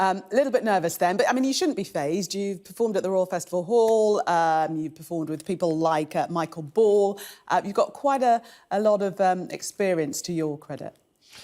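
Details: Adult female speaker; Normal speech.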